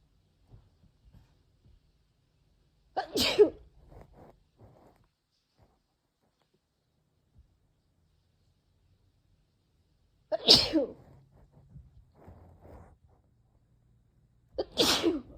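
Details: Female with May seasonal allergies, after weeding: three forceful sneezes with sharp in-breaths, spaced several seconds apart in a quiet room; repeated allergic sneezing.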